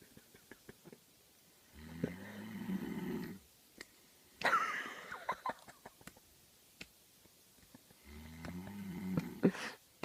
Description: My cousin snores so loud, I'm surprised me shmacking him 15 times didn't wake him up.